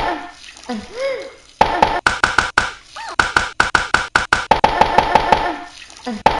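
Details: Vocalization during the person's own "talking" seizure: fast, repetitive, staccato voiced bursts with a few drawn-out vocal sounds.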